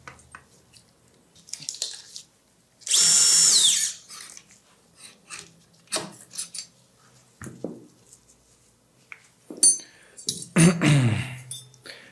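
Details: Brief bursts of high whirring from a surgical power drill between instrument clinks, drilling the tibia through the guide for a 4.4 mm medial-to-lateral transverse locking screw during Expert tibial intramedullary nail insertion.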